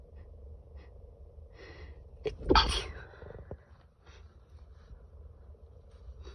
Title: Stifled Allergy sneezes